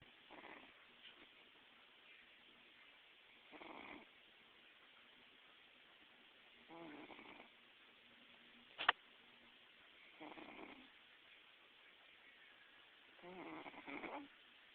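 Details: Cat napping on a bed, whose owner says he snores really loud like a person: soft, raspy breaths every few seconds with a sharp click, light snoring.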